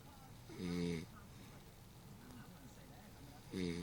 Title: She Got Caught Slipping....Sleeping...n Snoring